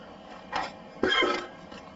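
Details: Male hiccups, audio only: two sudden, sharp gulping sounds about half a second apart, the second louder with a brief voiced 'hic', in a quiet room.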